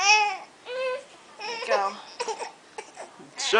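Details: Infant crying while being fed by an older sibling and burped by the mother: short, high-pitched wailing cries broken by brief pauses, with fussing between them.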